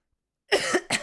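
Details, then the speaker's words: Adult gives two quick coughs after a short silence during a live stream, with no wheeze or stridor; says they are coughing a lot. "Sorry, yeah, I'm coughing a lot. I'm sure you can hear it."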